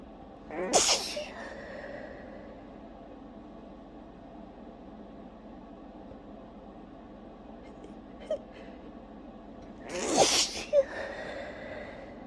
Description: i could barely hold this one back at all it tickIed so much, and then i just couldn't stop sneezing!